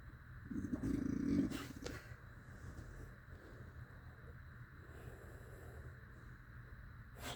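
A loud, buzzing, fluttering snore followed by a long quieter stretch of breathing; heavy snoring.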